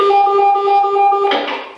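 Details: Automated external defibrillator (AED) in a training demonstration, shock advised: rapid evenly spaced beeping ending in a brief burst of noise as the shock is delivered.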